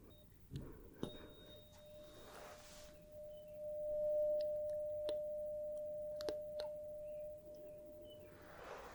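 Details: Simulated ASMR medical-exam roleplay Rinne test: a struck tuning fork tone is held behind the ear, then in front of the ear, until the patient stops hearing it; the tests were judged fine.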